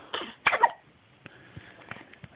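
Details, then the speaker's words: Baby boy with loud hiccups: several short, abrupt gulping hiccup sounds with faint soft clicks after them; hiccups. "This is what the hiccups look like, Grandma. Hiccup loud. There's one. There's one."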